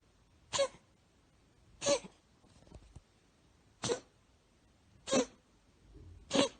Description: Our cat George gets the sneezes but he prefers sleeping, holding hands and miaowing a lot.